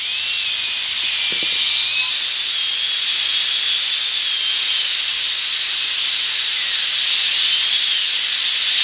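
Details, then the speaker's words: Dental air-turbine drill shown as an air-powered device: a steady loud hiss with a thin, high whine that wavers in pitch as the turbine spins at enormous speed. "one final sort of air powered um device is a dentist drill now this is different it's not like a cylinder obviously it's actually a turbine so it hairs round at enormous speed"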